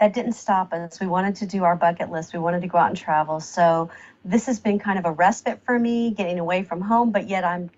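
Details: Adult woman speaking; typical speech.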